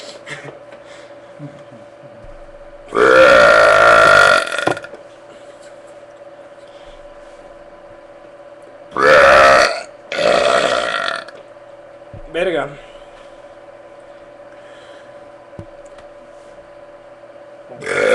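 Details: Person burping with two friends: four loud, drawn-out, croaking belches separated by quiet pauses, with a steady background hum; repeated burping.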